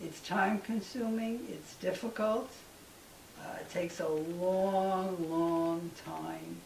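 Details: Adult man with aphasia after a stroke 6-8 years earlier, treated with tDCS; halting speech with long pauses, words known but hard to get out; aphasia.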